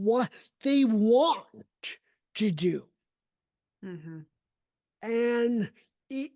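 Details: Adult male with cerebral palsy, a neurodevelopmental disability; voice emerged only at age seven after extensive speech therapy and still needs constant training; dysarthria (cerebral palsy).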